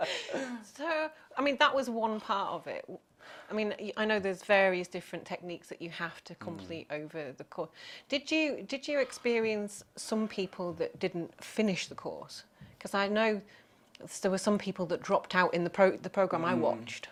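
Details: Adult woman; typical speech.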